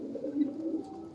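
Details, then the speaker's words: Rattling, hoarse respiratory sound (rales) in a hen, heard even when approached, intermittent; described as an early sign of various illnesses and weakness, often in winter; brief low rough rattly bird sound. "przerywany u kur to najczęściej jest to tak zwane charczenie rzężenie u dr i to jest Słuchajcie coś czego nie wolno wegetować ponieważ to są początki objawy różnych chorób które mogą się u kur pojawić"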